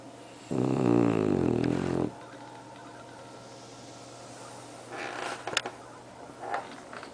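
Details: Bulldog snoring: one loud, rattling snore lasting about a second and a half, followed by quieter snuffling breaths.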